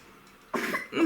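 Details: Young child (Kolya) sick with a severe cough, treated with a nebulizer: after a quiet pause, a harsh forceful cough quickly followed by the start of another.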